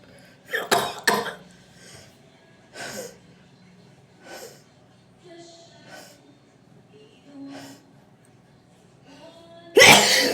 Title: feather sneezes.